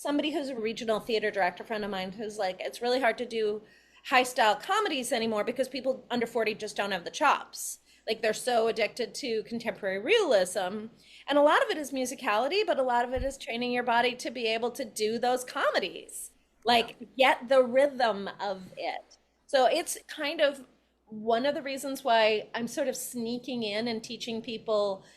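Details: Adult woman; normal speech.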